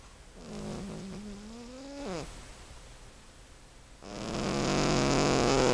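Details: 15-year-old cat snoring while asleep: rising, nasal tonal breath sounds, then a louder, rough rumbling stretch.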